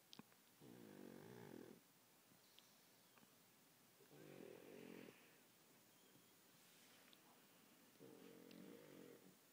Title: The Reverend Tholomew Plague pug snoring